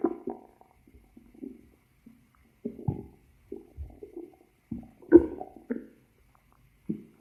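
Irregular low gurgles and rumbles in short bursts over a quiet background, the ordinary growling of the stomach and gut.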